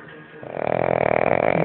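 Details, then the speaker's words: A sleeping dog snoring; the owner says it snores like a bear all night and keeps the whole household awake. One short, buzzing, vibrating breath that grows louder: snoring. "Ay mi chiquinino que está roncando como un oso toda la noche y nadie podrá dormir en toda la casa"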